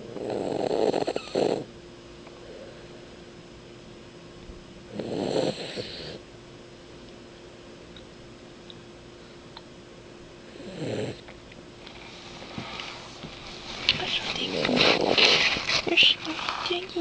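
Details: Diego, a sleeping cat with sleep apnea, giving loud rough snores separated by quiet pauses of several seconds.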